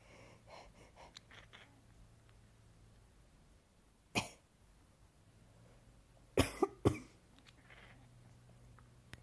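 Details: Coughing, with a cat reacting: about four short, sharp coughs, one alone and then a quick cluster of three, in a quiet room.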